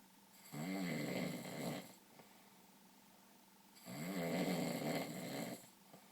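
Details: Person snoring: two long, rattling, vibrating breath sounds a few seconds apart in a quiet room.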